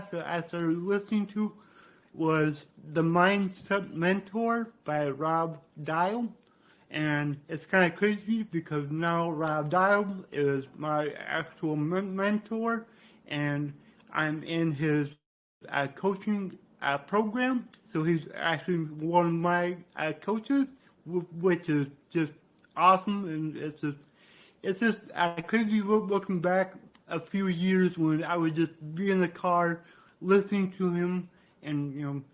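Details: Man with dysarthria due to cerebral palsy, which he attributes to brain damage after being born without heartbeat or breathing and being revived.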